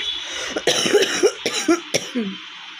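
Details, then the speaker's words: About six short, harsh coughs with voiced catches between them, over steady background hum. A woman with a sore, hoarse throat records a real cough challenge in a shop, saying her cough won't stop; cold-related cough. "তো চলো, কাশি থামছে না।"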